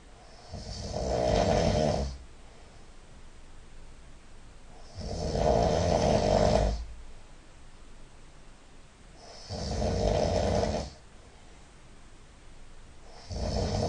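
Loud, rough snores repeating about every four to five seconds, roughly 13 a minute, with steady background hiss between them.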